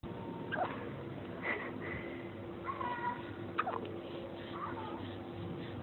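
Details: Kitten: five brief squeaky chirps about one second apart over steady room hum; hiccups.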